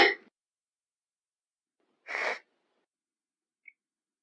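Two short, sharp sneeze bursts a couple of seconds apart in a quiet room.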